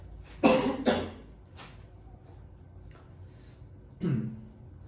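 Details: Cough.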